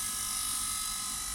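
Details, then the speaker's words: Restored vintage Japanese dental lathe running in its highest speed setting: steady high-pitched motor whine, smooth, no vibrations, rattles or irregular noises. "now we've on some high speed mode if you can see there um that's pretty good no vibrations not any no funny noises or anything"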